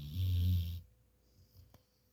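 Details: Snoring in a sleeping dog: one deep, rumbling snore, followed by quiet.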